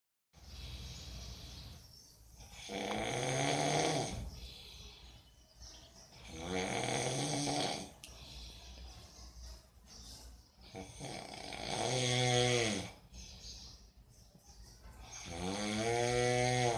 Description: MAN IN MORNING SLEEP LOUD SNORING